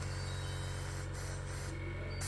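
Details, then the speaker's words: Cook vacuum pump used in an IVF lab, brought in for no suction: steady low motor hum with hiss as it suctions continuously once the blocked filter is removed; machine itself fine, filter needs replacing. "Gumagana naman siya guys. Oh. So, maririnig mo naman. Ayan, nagsasuction siya. Continuous."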